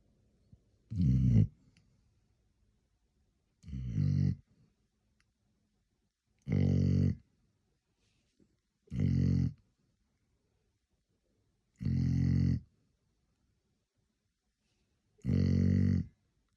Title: Bonney snoring loud 🐶💤大いびきをかくボニー #goldenretriever #like #adorable #cutedog#funnydog